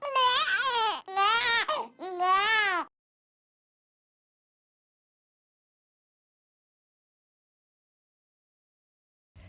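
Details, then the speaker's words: Three short, high-pitched infant cry bursts with a nasal 'neh' quality, a sound attributed to the sucking reflex. This is a hunger cry in the Dunstan Baby Language system. "if you take your tongue to the roof of your mouth and bring it down in a sucking motion you'll actually make the word net net if you add sound to that reflex"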